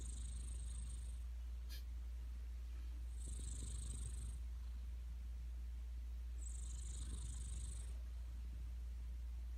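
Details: Cat snoring: soft, faint snuffling breaths, about three in ten seconds, under a steady low hum.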